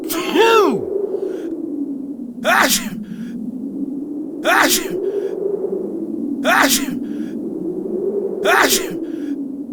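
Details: Acted sneezing by an adult (sneezing person, real version): five forceful sneezes about two seconds apart over a steady background hum.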